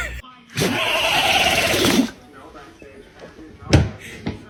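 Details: Dog sneezing: one loud, hissing, explosive sneeze followed by a short, sharp snort, with laughter nearby; sneeze.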